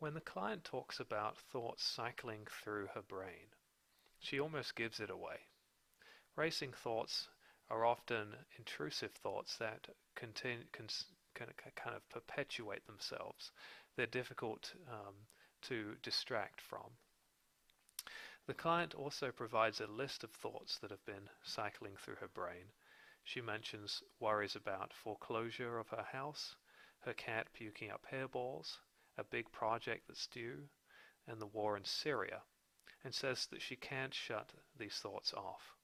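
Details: Adult male narrator; typical speech.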